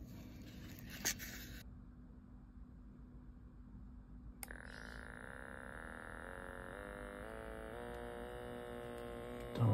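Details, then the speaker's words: Wrist electronic blood pressure monitor worn on the left arm, switched on and started: a click, then a steady motor whine rising gradually in pitch as the cuff inflates for a reading. "pag naka na pindutin niyo lang po to aandar na siya para i-monitor inyong blood"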